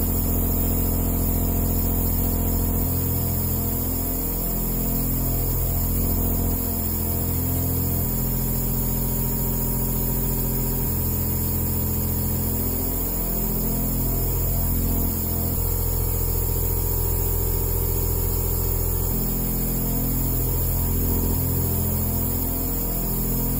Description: I recorded my favorite nebulizer machine and edited the base, to enhance the deep tone of the aerosol unique sound.